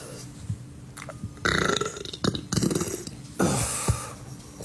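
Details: Man belching: several loud, low, rumbling belches in a row, faint room noise and music; repeated burping.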